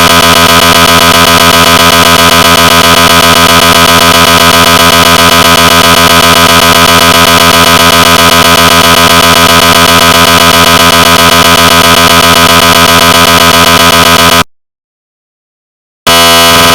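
Loud, fast, steady buzzing pulses, about four a second, with a brief silent gap: recreated MRI scanner gradient noise.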